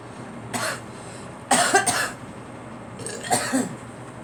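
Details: Three short coughs from a girl, the middle a double burst, over steady background hiss; cough.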